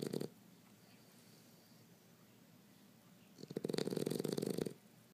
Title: Snoring Pitbull!